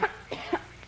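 Three quick, light coughs in a rapid run, acted by an adult woman in a film.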